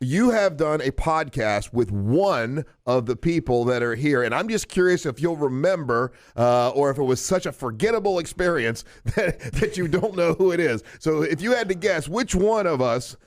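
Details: Adult man; typical speech.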